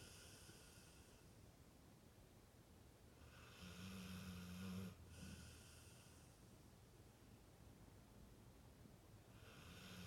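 Faint, rough snoring breaths from a sleeping dog over room hiss; one breath ends with a soft whistling tone.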